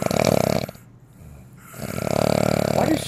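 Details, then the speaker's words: Loud rattling snores, one on inspiration and another after a short quiet gap, likened to cranking an old lawnmower; a contest entry of a finalist's snoring. "it sounds like crankin an old lawnmower I mean there's no way you could sleep next to that you have to be in your own place right no way"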